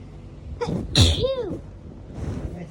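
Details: A single forceful sneeze with a brief voiced catch, then quiet room noise; a hay fever sneeze filmed within a 3–4 day span.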